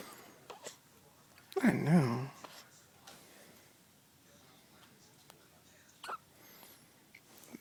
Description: One day old Baby Boy who has the hiccups